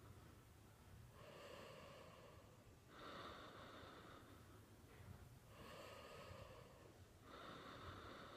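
Slow rasping breaths in a quiet room, each drawn-in breath rough and fluttering; snoring during sleep.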